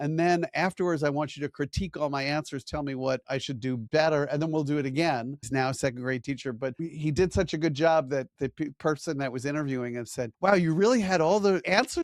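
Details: Adult man speaking; Normal speech.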